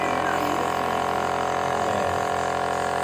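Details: Steady mechanical hum and buzz of a running Omron NE-C101 compressor nebulizer delivering saline (NaCl) by mask to a young child for cough and cold.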